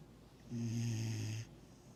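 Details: 6-month-old Vizsla puppy sleeping: a single low, steady rumbling snore lasting about a second over quiet room noise; snoring.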